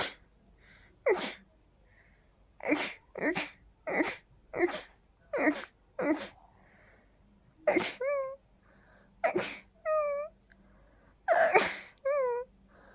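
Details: Dust allergy sneezing: a rapid series of about ten sneezes, the later ones ending in a high squeaky note; repeated sneezing.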